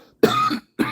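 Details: Two dry-sounding cough bursts without rattle, the first harsher and longer, the second cut short, from an adult just diagnosed with pneumonia who says the coughing brings up little phlegm and comes mostly from the lower back and sides.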